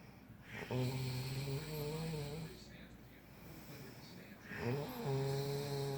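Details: Steady snoring during a nap: two long, rough, buzzing snores with quiet breathing between them.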